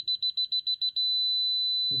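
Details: Apex locator demonstration: the file goes slightly beyond the apex (about 0.2 mm), then is slowly withdrawn. Fast rhythmic high beeps merge into one steady tone as it returns to the apex, verifying an accurate apex reading.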